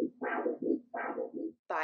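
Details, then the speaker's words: Biphasic peripheral arterial Doppler signal with loss of one diastolic phase, which can be normal or indicate calcification or mild to moderate arterial disease; biphasic Doppler arterial signal. "in biphasic flow there is a loss of either of the diastolic phases biphasic flow can be normal or indicate calcification or mild to moderate disease biphasic flow sounds like"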